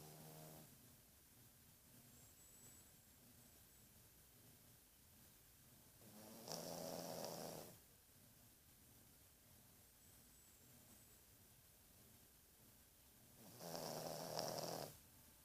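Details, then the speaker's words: Sleeping pet dog snoring: two raspy, rattling snores about seven seconds apart over quiet room noise; ordinary snoring. "Chega de roncar, baby. Baby. Chega de roncar."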